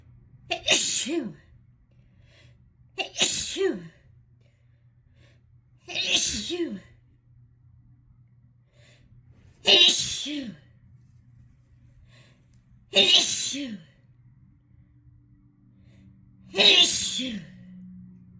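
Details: Harsh sneezing fit induced by chhinkni: six forceful sneezes a few seconds apart, each a sharp burst with a trailing vocal tail.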